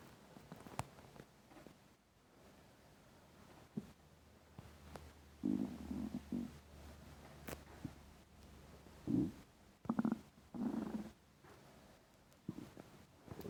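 Low gurgling rumbles and brief squeaky bursts from the belly; normal hunger-related stomach rumbling.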